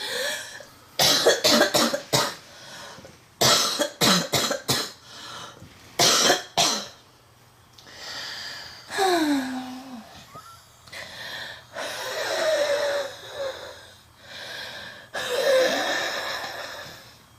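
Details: Girl with a severe respiratory condition (bronchitis or smoker's cough suggested, not confirmed) in a relentless coughing attack: bouts of harsh, rapid coughing alternate with long, whistling, strained in-breaths, cough with wheezing.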